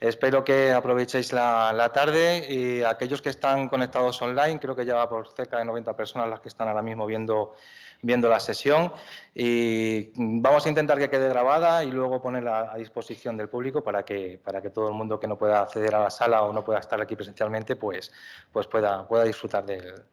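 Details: Adult male speaker; normal speech.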